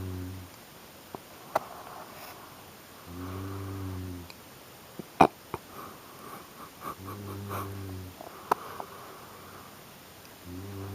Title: Wifey was snoring like WHOA!!